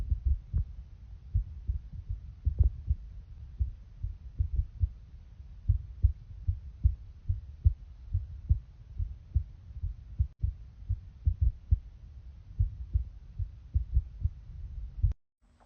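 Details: Regular heartbeat recorded through a phone: steady, low thumping beats throughout; a normal heartbeat.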